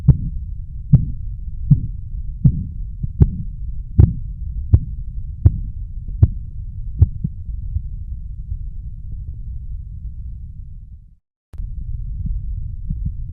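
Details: Korotkoff sounds, the sound expected when measuring blood pressure.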